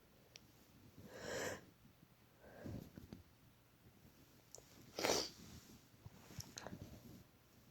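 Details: Sneezing after trying to induce it, mostly false starts: a faint, quiet room recording with a few short bursts of air, one sharper sneeze-like burst, and sniffing.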